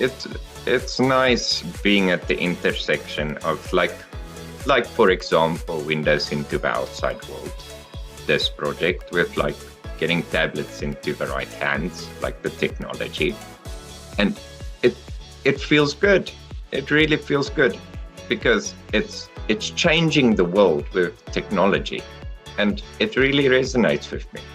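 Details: Adult male speaker; normal speech.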